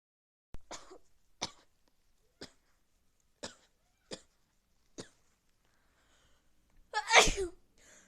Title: Big sneezes cold part 2